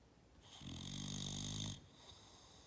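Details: Bulldog napping and snoring loudly: one rough, vibrating snore of about a second with a hissing edge, against steady room hiss.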